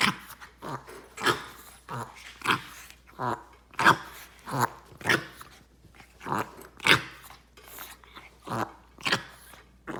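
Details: Dog coughing, recorded 11/20/17; a run of repeated harsh, hacking bursts, roughly a dozen in ten seconds, in a small quiet room; cough.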